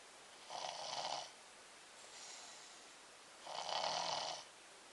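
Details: Boy snoring in sleep: two loud, rough, hissing snores with a softer breath between them at a slow sleeping pace.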